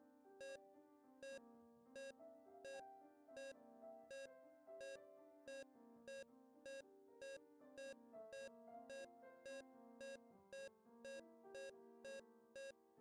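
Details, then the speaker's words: Simulated LLEAP patient monitor: SpO2 pulse beeps, one per pulse, speed from about 60 to about 120 a minute over piano music as the ECG rhythm changes from sinus bradycardia to sinus tachycardia. "spo2 pipping frequency reflects pulse rate observed is pipping frequency has ecg rays from sinus priority to sinus tachy"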